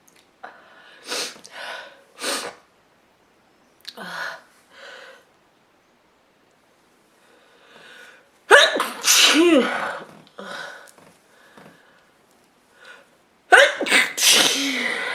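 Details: A woman's repeated sneezes, about five, several with gasping build-ups, the last two loud and forceful, with short breathy pauses between; repeated sneezing.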